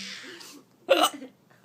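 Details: Adult gets hiccups while playing patty cake with a small child: a single abrupt voiced hiccup, a short jerky catch of breath, amid quiet room sound after playful talk and laughter; hiccup.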